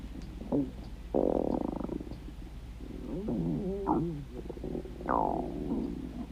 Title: stomach growling